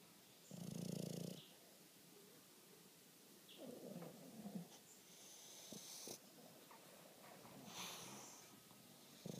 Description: Bulldog Bruce - snoring away on a lazy Saturday afternoon